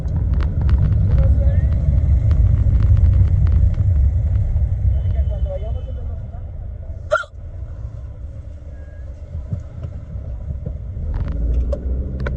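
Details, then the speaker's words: Latina woman riding in a car on the way to the mall has deep hiccups: one sharp, abrupt hiccup over steady engine rumble and road noise. "I'm sorry. I have any hiccups. It's a problem. Sorry. It's just embarrassing."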